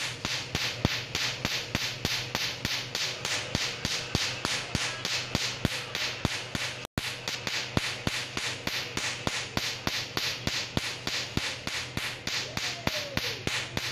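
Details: Tattoo removal laser in use at a Vietnamese tattoo studio, December 2019: rapid, regular sharp snapping clicks, about 200 a minute, over a steady device hum as the laser fires its pulses.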